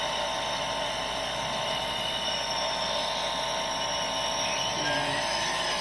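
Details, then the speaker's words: Home nebulizer running during unboxing, producing mist: steady buzzing hum of its small compressor working continuously without a break; normal nebulizer compressor operation. "Okay naman gumagana siya kaso ito h ko alam kung saan gagamitin"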